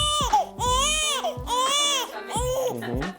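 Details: Infant girl crying during chiropractic examination as her tummy is pulled, before hip checks: loud rhythmic wailing bursts about a second each with brief gasps between; an ordinary upset cry.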